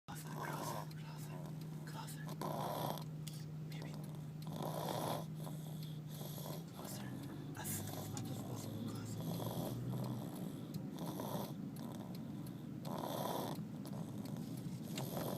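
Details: Child snoring during sleep, 'just like daddy': repeated rough, rattling breathing noises in rhythmic bursts over a steady low hum; snoring.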